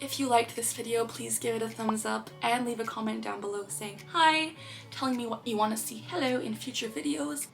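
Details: Vocal tic (Tourette syndrome) in a 22-year-old woman diagnosed at age 12 who tics throughout; an interjected "hello" vocal tic occurs mid-sentence.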